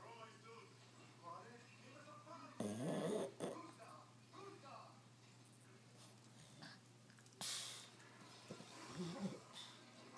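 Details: Sleeping dog breathing with soft snuffling snores and a few louder snorts over a steady room hum; snoring.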